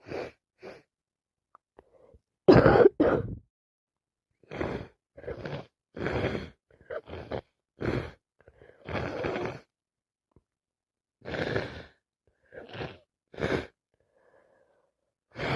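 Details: About fifteen short, harsh cough bursts in quick succession with brief pauses; coughing with a worsening common cold with nonstop sneezing and nose blowing.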